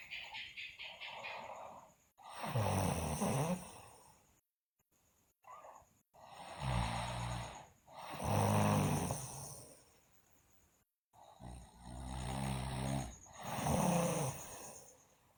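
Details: Loud, rough, rattling snores with each breath, about 11 a minute, faint background music, from a sleeping girl; loud snoring.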